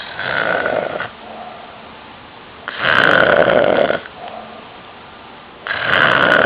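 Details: An adult uncle snoring very loudly at night: rough, rattling snores in regular bursts about every 2.7 seconds, roughly 22 breaths a minute, with quieter breathing between them.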